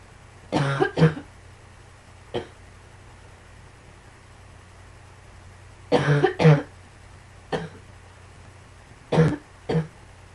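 Three bouts of coughing, each two or three harsh coughs, with a low steady hum behind them. Repeated coughing.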